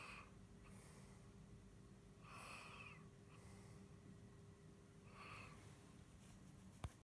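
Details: Snoring, attributed either to a man (the speaker's husband) or to a cat. Snoring.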